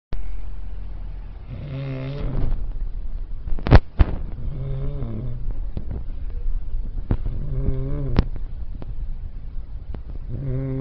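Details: Repeated low, rattling snores on each breath in, about every three seconds, over a steady low rumble; snoring.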